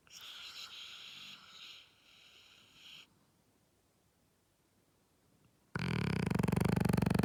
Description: The dog sounds as if it's farting but is just snoring peacefully.